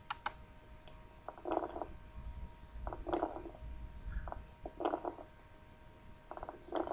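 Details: Repeated clusters of low, bubbling crackles, changing with cough, a sign of consolidation as in tuberculosis or acute pulmonary edema; coarse crackles (subcrepitant rales).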